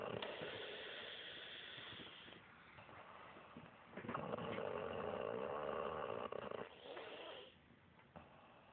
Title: Snoring Wench